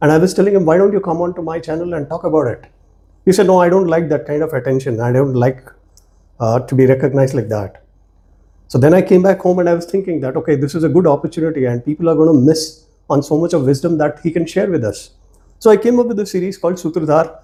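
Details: Adult male speaker; normal speech.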